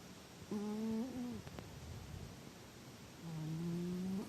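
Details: Two drawn-out, whistling, tonal sounds on the breath in, with a quiet room between; a cat named Howl snoring while comfortably asleep.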